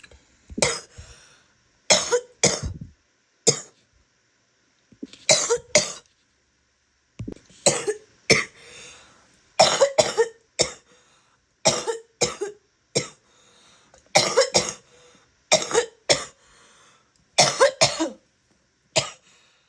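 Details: Female with repeated harsh coughs, often in quick pairs, with a loose, rattly edge, plus spitting: wet, productive cough.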